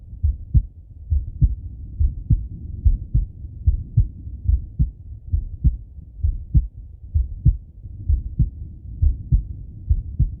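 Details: Male chest auscultation with stethoscope: steady lub-dub heartbeat at about 68 beats a minute with soft breath noise underneath; normal heart sounds.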